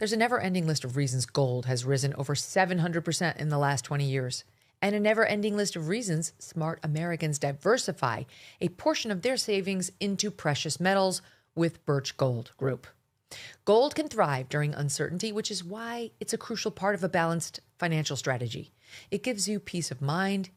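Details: Adult speaker reading an advertisement; typical speech.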